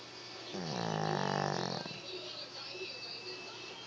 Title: Snoring dog sounds human